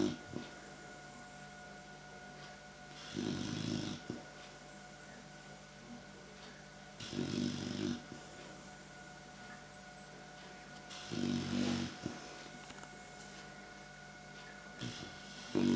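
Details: Clumber spaniel puppy, tired after playing outside all morning, snoring: rough, buzzing snores on each breath in, about four seconds apart, roughly 15 breaths a minute, steady room hum.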